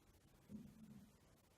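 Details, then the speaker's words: Brief, quiet low rumble from the belly of an adult woman: stomach growling (borborygmi), an ordinary harmless gut sound. "my stomach is growling I don't know if you hear that"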